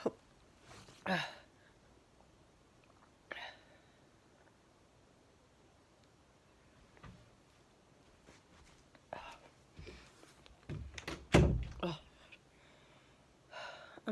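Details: Several brief, soft, hissing sneezes separated by quiet pauses, in a small room with dust, cobwebs and mold being cleaned.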